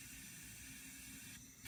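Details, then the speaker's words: Tracheostomy suctioning skills demonstration: the catheter goes in until resistance at the carina, the patient is told to take a deep breath and hold it, and it is withdrawn with a circular motion. A steady airy suction hiss rises in pitch near the end. "all right then I'm go ahead and suction on the patient okay now I'm gonna go in for the 5cm in okay until I meet resistance that way I know I'm at the Carina okay"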